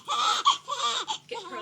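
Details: Female infant, recorded around her first sneeze, gives brief high-pitched fussing cries in short bursts, about four in under two seconds: infant crying.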